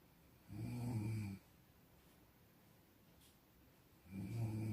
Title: 코고는 소리 - Sound of snoring